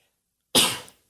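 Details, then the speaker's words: Adult with a cough persisting two months after a cold that interrupts conversation: a single short, dry, throat-clearing cough. "I had a cold bug like two months ago and I still have this cough that just interrupts everything it makes it impossible for me to to say full you know conversations without an interruption"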